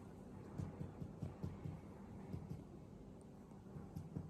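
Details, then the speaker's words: Chest percussion from the left anterior axillary line downward until the note turns dull, marking the lung–stomach border, during a cardiac physical examination of an adult man. "Kita bisa perkusi ke bawah hingga terdengar suara redup"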